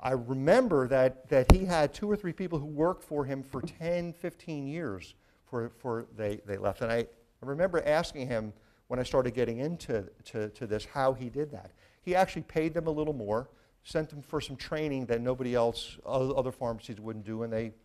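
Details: Adult man with a severe stutter since childhood, with a family history (father and brother also stuttered), seen by a speech pathologist from age nine; he says it is still slightly audible; word and phrase repetitions heard; stuttering.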